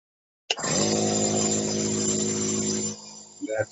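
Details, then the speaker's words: Compressor nebulizer switched on for a demonstration: an abrupt, steady buzzing motor hum running for a few seconds, as the compressor nebulizer runs normally. "we're going to go over this compressive presser nebulizer this is the unit basically turn it on here"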